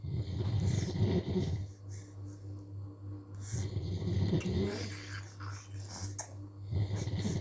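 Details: Snoring that a baby reacts to with fear: deep, rumbling, rhythmic snores with a steady low hum and some room noise.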